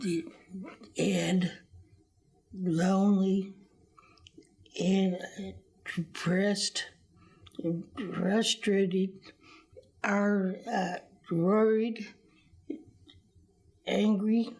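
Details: Adult speaker; non-fluent aphasia.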